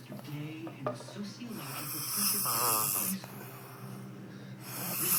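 Rough, rattling snore sounds with a whistly, wavering tone partway through; snoring.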